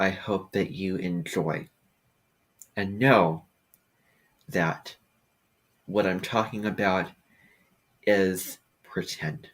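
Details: Adult speaker; no speech disorder.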